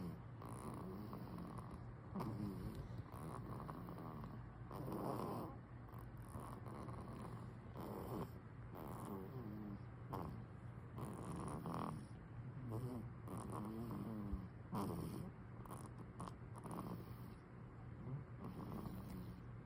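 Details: Soft, rhythmic rattling snores with each breath from a baby napping; light infant snoring.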